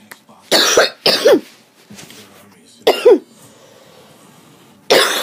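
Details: Person who skipped breathing treatments too many times in a row: harsh, forceful hacking cough bursts with strained, choking vocal catches; they had hoped it was just allergies and say their chest hurts.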